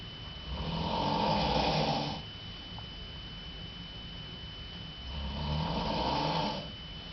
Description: Mom snoring in the middle of the night (through the door)